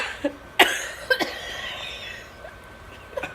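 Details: A few short, sharp coughs in a small room from an adult with a cold and congestion.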